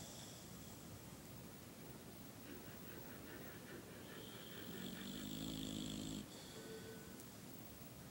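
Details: Drawn-out snoring breath with a reedy whistle over steady background hiss from a sleeping female boxer dog, whose flat, smashed-in nose like a bulldog's makes her snore sometimes; snoring.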